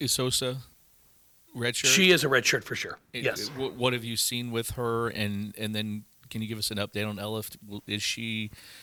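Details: Adult male speaker; typical speech.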